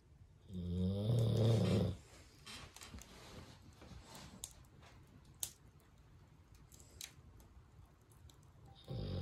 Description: Snoring Cane Corso taking a nap by the fire